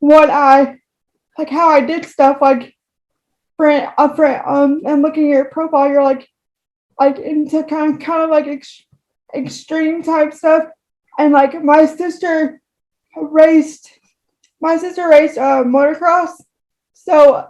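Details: Woman with moderate to severe cerebral palsy affecting all four limbs and, by her account, her talking; frequent repetitions; dysarthria (cerebral palsy).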